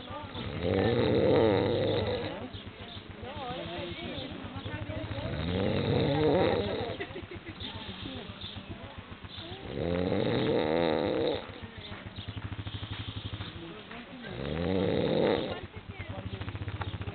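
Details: Cristian snoring: loud, rattling snores recurring about every four and a half seconds, roughly 13 breaths a minute; snoring.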